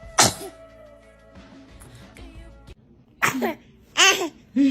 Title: Funny Babies SNEEZING 😅 Compilation 2021 SOO Cute Baby SNEEZE Moments part 2